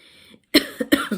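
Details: Cough from an adult woman who is hoarse and ill from air conditioning and heat.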